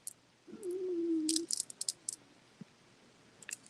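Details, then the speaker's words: An adult's own stomach growling from hunger after not eating all day: about a second of low, droning, slightly wavering rumble, ordinary bowel sounds (borborygmi). "I don't know if you can just hear it. My stomach's growling. I guess I'm getting hungry."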